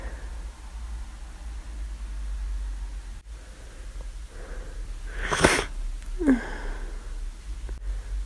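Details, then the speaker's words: Flu with constant nasal itch and frequent sneezing: sharp inhale then one loud explosive sneeze and a brief second burst, with room hum. "I just need to sneeze all the time."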